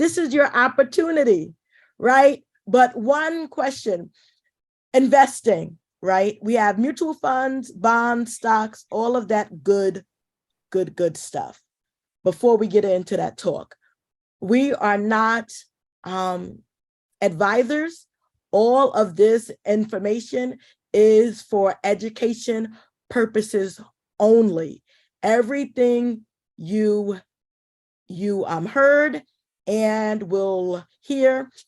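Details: Adult woman who says she is a stutterer: stuttering.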